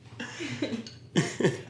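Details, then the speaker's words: An adult on a podcast with a nasty cough gives two short, harsh coughs after some muffled voiced throat sounds: cough. "First, would like to preface with the fact that I have a nasty cough. So, no, there is not a seal who is also part of this program. It's just my cough, if you hear that."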